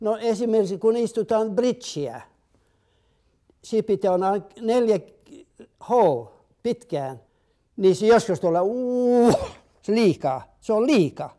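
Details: Adult man with aphasia, interviewed in Finnish for a documentary on neurological illness or injury; aphasia.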